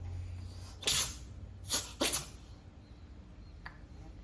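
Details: Cat sneezing with an unusual, funny-sounding sneeze: three short, sharp sneezes, two close together, in a quiet room.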